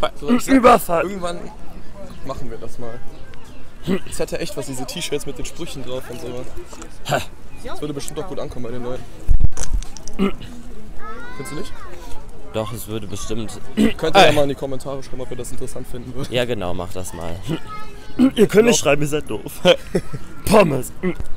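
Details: Adult speaker; ordinary speech.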